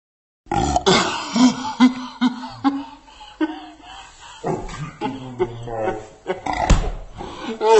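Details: Loud, drawn-out burps mixed with laughter and low croaking belches; the person says they puked in their mouth, regurgitated.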